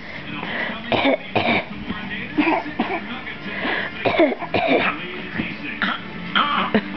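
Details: Repeated short, forced cough-like bursts from a young child who copies others, a learned imitated cough rather than a sign of illness; fake cough.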